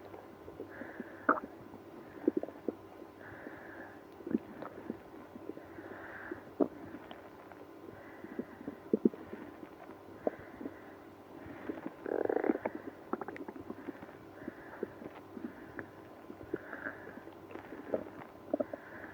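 Repeated soft gurgling rumbles and squeaky bowel noises over a steady low hum; active bowel sounds in irritable bowel syndrome.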